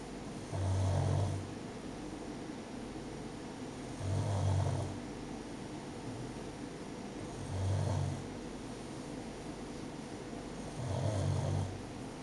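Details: Sleeping pug snoring while getting her belly rubbed: four low rattling snores on the in-breath, about 18 a minute, over steady background hum.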